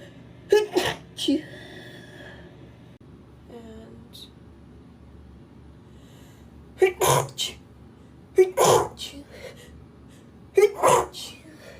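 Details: Compilation of women sneezing: several sharp sneezes, each preceded by a quick in-breath, some in close pairs, over quiet room noise.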